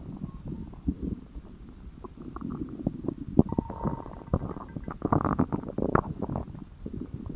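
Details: Low, bubbling gurgles and irregular rumbling squelches from a hungry adult's belly: stomach growling (borborygmi).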